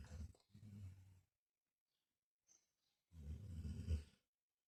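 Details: Snoring during sleep: deep, rattling, low snores with a silent pause between breaths.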